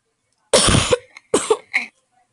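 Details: Person who has been sick for some time and feels unwell: two harsh, forceful coughs followed by a short throat-clearing, a repeated cough.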